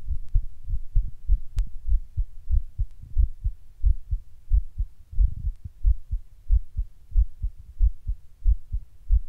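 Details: Person sitting at rest records their heart suddenly beating weird and hard, intermittently getting fast: strong, fast heartbeat around 92 per minute with somewhat uneven rhythm; palpitations.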